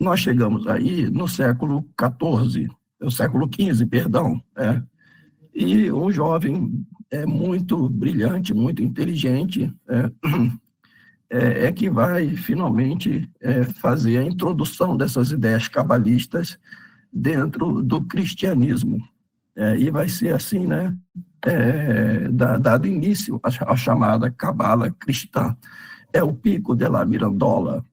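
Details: Adult male with spasmodic dysphonia treated with toxin injections; voice worse than at the previous recording as the toxin wears off 3–4 months after injection, with the next injection due in early July; spasmodic dysphonia.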